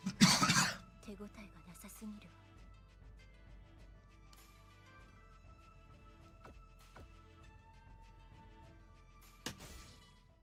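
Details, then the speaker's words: Adult getting over a cold: one strong, loose cough followed by a few softer coughs, called a pretty wet cough with loose mucus. "that sounds like a pretty wet cough loose mucus you say you're getting over a cold ain't you yeah I was getting over a cold dud"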